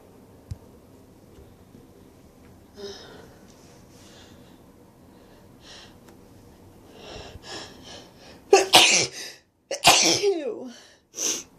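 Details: Soft build-up breaths, then two loud, sharp sneezes in quick succession and a softer final burst from an adult with a runny nose, including an odd-sounding sneeze after the first nose blow.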